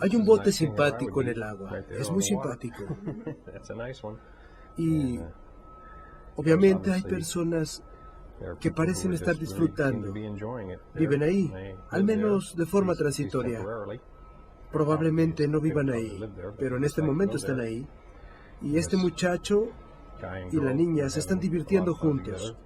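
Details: 56-year-old right-handed man with semantic variant primary progressive aphasia (semantic dementia), symptoms beginning almost 5 years earlier, describing a picture without naming its specific objects; semantic variant primary progressive aphasia.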